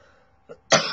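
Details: Adult ill for about two days with sore throat and hoarse voice: a single sharp, harsh cough preceded by a brief catch of breath, against quiet room hum. Acute cough.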